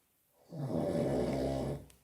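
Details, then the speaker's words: Friend's wild snoring at about 3 a.m. in an apartment: a single long, loud, rattling snore lasting over a second during sleep. "блядь, не храпи, ти заїбав. Як ви бачите, йому похуй."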